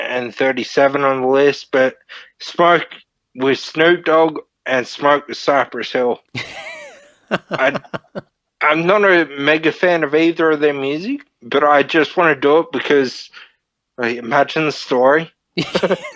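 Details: Man, 31, with Friedreich's ataxia diagnosed at 14, a neurodegenerative disorder; he reports slurred speech and word-finding struggles as part of the disorder; finding: dysarthria (slurred speech) in Friedreich's ataxia.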